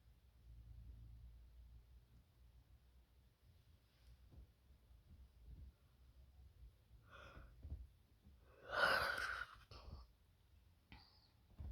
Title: Wet Wide Nose Sneezes Africa.